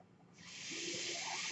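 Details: Mechanical ventilator heard during the user's own speech recording: after a quiet moment a steady rushing hiss of airflow starts and holds, the inflation phase of a breath.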